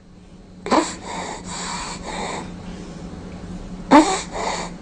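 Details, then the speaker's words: Child with acute laryngotracheitis (croup): inspiratory stridor, harsh, noisy, drawn-out breaths with prolonged inspiration from upper airway obstruction. "this child obstruction of the upper airways causes a prolonged inspiration in this particular case it is caused by acute laryngotracheitis also called croup"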